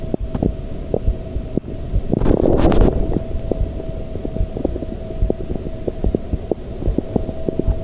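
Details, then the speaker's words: Adult's own heartbeat recorded through a homemade stethoscope microphone (pediatric bell into a dynamic microphone): faint, muffled, quiet heartbeat thumps under a steady electrical hum, with a burst of handling noise partway through. "the audio quality is not exactly fantastic but it does work that totally works it's really quiet but i have a very small heart"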